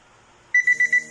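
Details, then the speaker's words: K9 Pro Plus infrared thermometer tested on a glass of hot water to show its fever alert: four quick high-pitched beeps; thermometer fever alarm. "ขอดูอุณหภูมิร่างกายสูงเป็นอุณหภูมิสูงนะคะถ้ามีไข้ก็จะขึ้นแบบนี้นะคะ"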